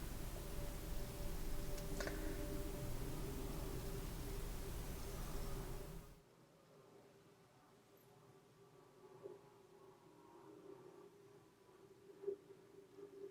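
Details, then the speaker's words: A real nurse auscultates an adult model's right lower abdominal quadrant over the ileocecal valve with a stethoscope: a rumble, then soft gurgles heard immediately. The nurse calls them normal here; hyperactive sounds can mean hunger. "like the moment I placed the stethoscope I heard vowel sounds right away"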